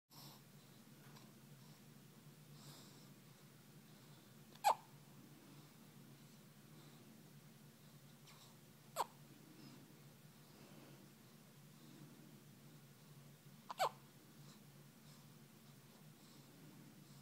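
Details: Infant under one month old with hiccups, as usual: three sharp, brief hics about four to five seconds apart against quiet room hum.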